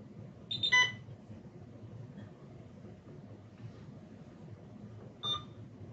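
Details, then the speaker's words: Infusion pump booting before being configured to 200 mL/h and 20 mL for testing with an IPA 3100 infusion pump analyzer: short electronic start-up beep chirps about four seconds apart over low room hum. "so I'm going to turn that on here and configure the pump to match the settings that we have on the infusion pump analyzer we're going to let the system boot up"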